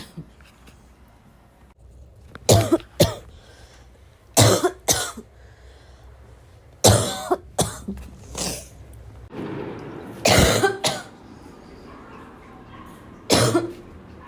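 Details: Cough recorded the previous day: about nine harsh cough bursts in small clusters, with quiet breathing and room noise between them.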